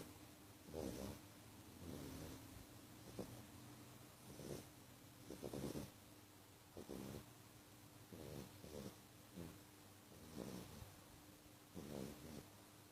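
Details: Very loud snoring from JJ; rhythmic, rough snoring at about 12 breaths a minute with a steady background hum.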